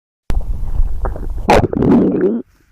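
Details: Loud, gurgling stomach growl lasting about two seconds, ending in a rising rumbling gurgle; ordinary borborygmi.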